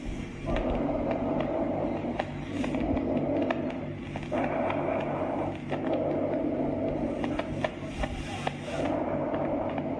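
Loud, harsh, hollow breath sounds with inspiration and expiration of similar length: normal tracheal breathing.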